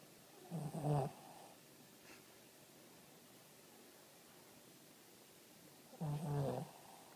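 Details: Old Shih Tzu snoring while asleep, sometimes twice as loud: two short, low, rattling snores about five seconds apart over quiet background.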